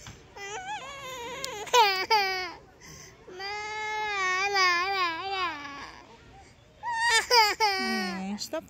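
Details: Young child crying, apparently wanting to go back to the water: long, high, wavering wails with brief gasping breaths between them.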